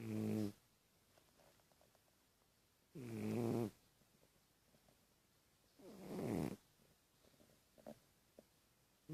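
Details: Female pet that sleeps a lot for her age, snoring while asleep: three loud, rough, vibrating snores with quiet pauses, about 20 breaths a minute.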